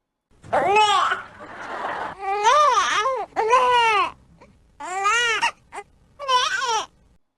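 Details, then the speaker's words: Infant hunger cry in rhythmic, tuneful bursts with breathy gasps between; hungry babies turn the head, put fingers in the mouth and suck the lips. "સૌથી પહેલું કારણ રડવાનું બાળકને ભૂખ લાગી હોય તો રડે છે"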